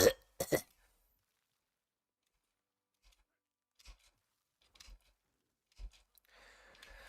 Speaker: I drive a school bus. I've been coughing. So that's the whole thing. It's like, I know I sound like crap, and that's also partially why I haven't recorded.